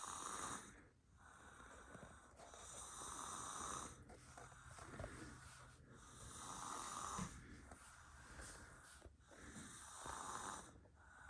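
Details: Sleeping female snoring in bed: steady, rhythmic, rattling snores on each in-breath, about 18 per minute, with quieter exhalations between.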